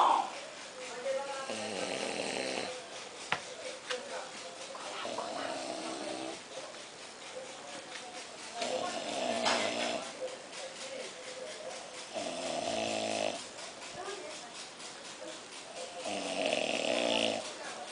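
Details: Older man asleep after lunch, snoring loudly with rough, rattling snores on each breath in, about five cycles, quiet room.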